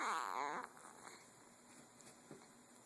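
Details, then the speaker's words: Infant gives one brief, harsh, squeaky voiced cough burst, then quiet room noise; parent calls it a nasty cough. "that was nasty why are you coughing like that"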